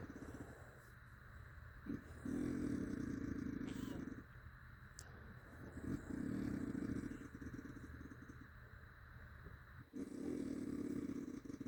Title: 5 minits of strate snoring sounding like a dirtbike